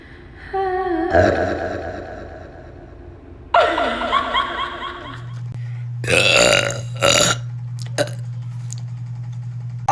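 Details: Young women burping in a TikTok compilation: several loud, drawn-out voiced belches, one long and croaky, with a low hum and brief noises between them.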